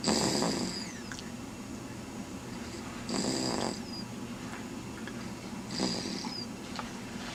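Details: Three rough snoring breaths roughly every three seconds, each with a faint high whistle, over steady room hiss; snoring in a sleeping person.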